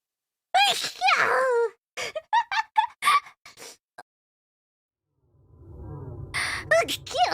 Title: Sneezes